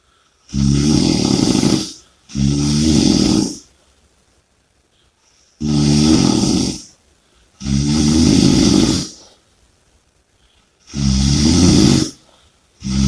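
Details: Heavy snoring during sleep. Loud, rough snores on each breath in, about 11 breaths a minute, with quiet gaps between.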